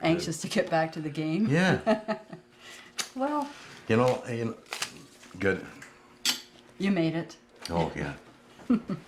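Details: Male stroke survivor with aphasia after his stroke, at first unable to speak and then very limited in words; aphasia.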